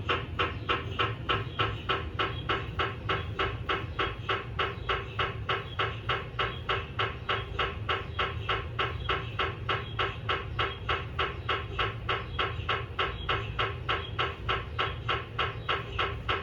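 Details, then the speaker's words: GE 1.5 tesla MRI scanner running daily QA scans, heard from the technologist's side, helium recondenser chirping in background, RF pulse at 63.8 MHz: loud, steady rapid knocking about 200 per minute over a low hum. "Helium Recondenser Chirping Auto Prescan Tuning RF Pulse @ 63.8 MHz,"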